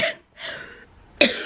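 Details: Cough in an adult man with cystic fibrosis, waiting at grocery pickup and tired of coughing: two abrupt cough bursts separated by a rough, drawn-out exhalation.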